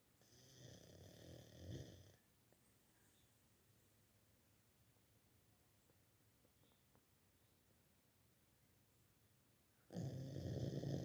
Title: Coco snoring but still cute... 🐶🥰😴